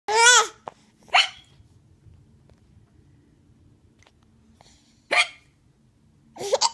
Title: Hiccups!